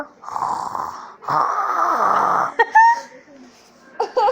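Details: A young boy deliberately imitates his father's snoring with two long, rattling snore sounds, followed by brief voiced sounds.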